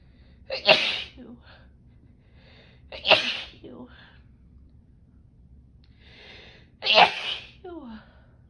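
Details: Female with cold sensitivity sneezing on a snow day in single-digit windchills: three sharp sneezes, each preceded by a quick inhalation, a few seconds apart in a quiet room; sneezing.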